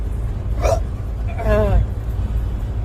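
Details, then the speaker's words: Adult with hiccups, states not drunk, on New Year's: two short, abrupt voiced gulps with a sudden catch over car and street noise; hiccups. "Seriously, I'm not drunk. Anyway, I just have the hiccups, that's all."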